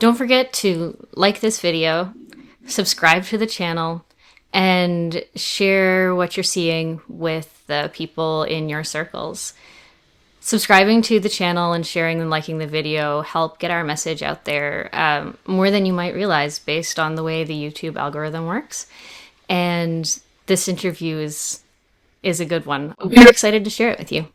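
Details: Adult speaker; typical speech.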